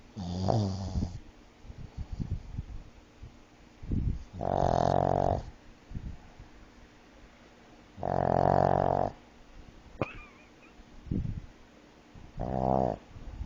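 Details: Sleeping pug with sleep apnea snoring: loud rhythmic snorting snores, about four harsh buzzing inhalations in the clip; flat-faced dog snoring.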